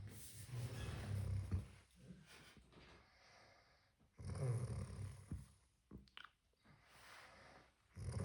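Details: A father snoring at night during sleep, keeping the family awake: loud, deep rumbling snores in slow, irregular cycles of about 17 a minute, with quieter stretches between.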